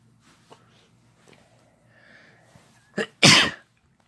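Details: Sneeze, no talking: soft breaths and a short intake, then one loud explosive hissing sneeze in a quiet room.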